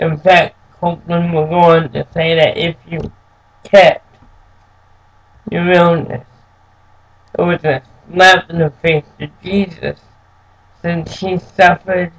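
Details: Adult man born with cerebral palsy, who says it makes him move and speak differently; speech affected by cerebral palsy.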